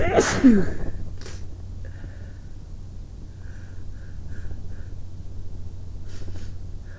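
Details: Sick person sitting in bed, trying to induce sneezes: one forceful sneeze muffled into a pillow, followed by quiet breathing and faint room noise; sneeze.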